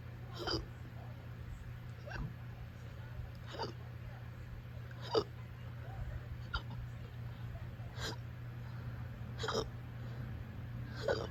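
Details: Uncontrollable hiccups at 5 a.m.: brief, sharp catching sounds about every one and a half seconds, roughly 40 a minute, over a steady hum.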